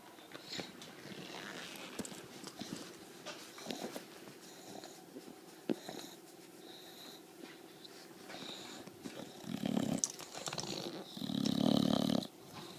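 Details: Sleeping bulldog snoring loudly: snorting, rattly breathing building to loud snores near the end, against some room noise.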